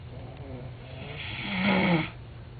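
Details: Real snoring, recorded in Miami: a single rough, rattling breath sound that swells and fades over about a second.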